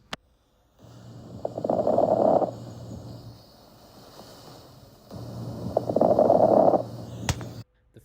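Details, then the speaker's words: Nursing chest auscultation teaching example: two breaths with fine, brief crackling pops during each breath, described as possibly indicating pulmonary fibrosis; fine crackles. "also listen for fine crackles which can be an indication of pulmonary fibrosis"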